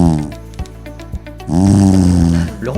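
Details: Snoring, presented in relation to snoring and sleep apnoea treated with a custom mandibular advancement orthosis; snoring.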